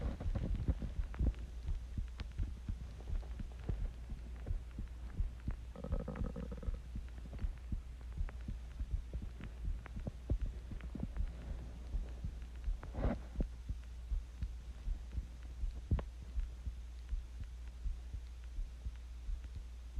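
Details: Own heartbeat recorded while sick with the flu: low, muffled thumps at roughly 82 beats per minute under a steady low hum.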